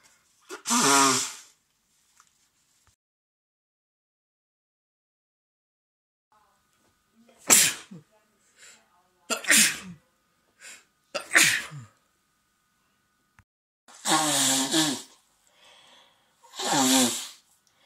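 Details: Adult man and woman both sick at home with colds, congested with stuffed, runny noses: several sharp, explosive sneezes from more than one adult, with quiet gaps and faint sniffling between.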